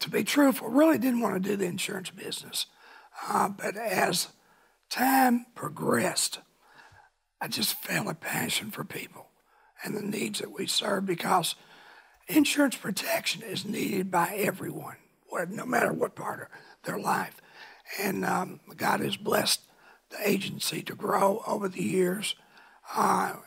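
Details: Rough dysphonia in an adult man from laryngeal cancer, a vocal cord spot found about 23-24 years earlier by an ENT and confirmed by biopsy; now cancer-free, voice remains altered.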